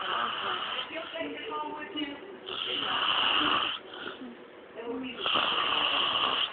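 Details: Man snoring with mouth wide open: rough, rattling snores recurring with each breath under faint background music; ordinary snoring.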